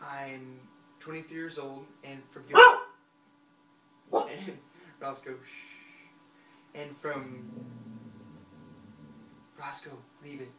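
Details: Stuttering in a 23-year-old male who has stuttered for about 20 years; it is situational and he sings fluently; he has worked on his stuttering for the past year and a half.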